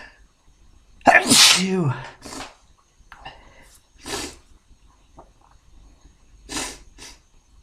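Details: A loud voiced sneeze with a drawn-in breath, then several smaller sneezes in a row: repeated sneezing from a nasal tickle that the person says beer gave them.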